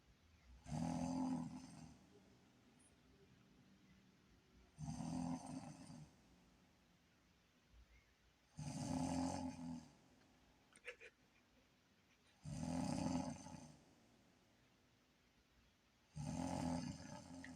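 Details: Mother's loud snoring annoying her baby: loud, rough snores about every four seconds, roughly 15 a minute, with quiet breathing between.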